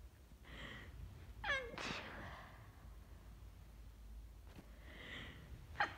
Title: Cold sneezing fit- stifles, covered sneezes , half stifles